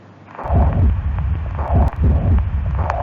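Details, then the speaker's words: Pediatric cardiac examination with stethoscope: low, muffled heart sounds with a systolic murmur of mitral regurgitation. "another systolic murmur that can be heard is the mitral Riga station murmur"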